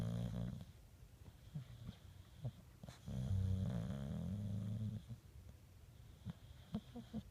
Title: Snoring Sam